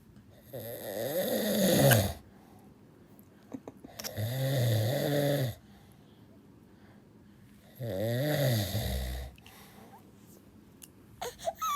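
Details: Father snoring while asleep holding the baby in a hug, which made the baby cry: loud, rough, rattling snores on each inward breath, about three in twelve seconds, with quiet pauses between.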